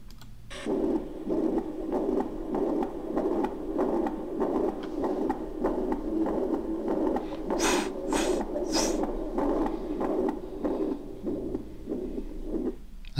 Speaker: once again. It was mitral regurgitation murmur. Please, mitral regurgitation murmur once again.